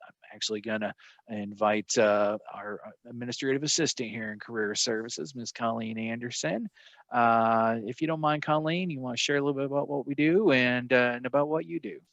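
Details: Adult male speaker; Ordinary speech.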